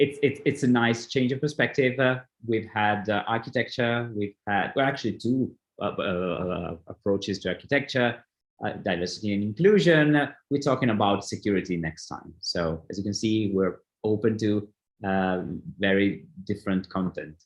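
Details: Adult man; ordinary speech.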